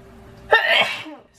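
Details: Woman sneezing mid-speech while presenting a makeup tutorial: a single sharp, forceful sneeze burst with a brief trailing breath; an ordinary sneeze.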